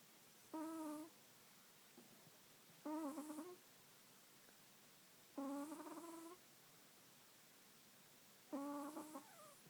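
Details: Chihuahua snoring in sleep: soft, squeaky, whistling snores, about four in ten seconds, rising over a quiet background.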